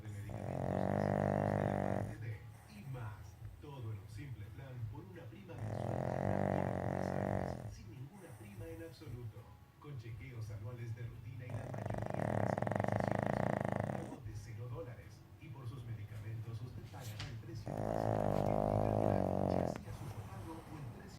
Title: My PUG Rocco enjoying sunday (Snoring BIGTIME)